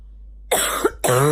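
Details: Female, morning barking cough: two loud, harsh coughs with a hoarse, honking, bark-like quality.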